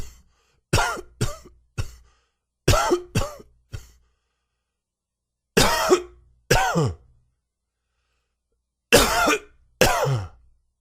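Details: Ten dry, hacking coughs in short clusters with a faint whistling, wheezy edge, attributed to allergies; dry wheezy cough.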